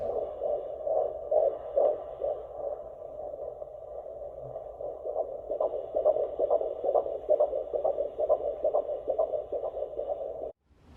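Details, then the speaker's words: Rapid, regular whooshing fetal heartbeat on Doppler at a 17-week prenatal visit, about 150 beats per minute, found after a longer search; normal fetal heart rate. "So I was really nervous at first, but she did find it and everything is fine. The heartbeat was about 150 beats per minute."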